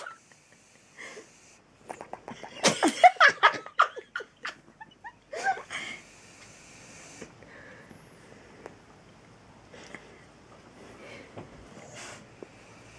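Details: Sleeping 7-month-old female Mexican Hairless (Xoloitzcuintle) dog: rapid run of puffing, fluttering breath noises with lip-blowing sounds, then quieter breathing; snoring.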